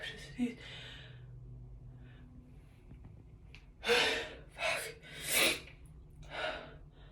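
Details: A female's sneeze in a quiet room: a few sharp, gasping in-breaths build up, then one loud, explosive sneeze followed by a softer breath out.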